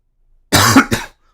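A single short cough in two quick bursts, in a quiet room.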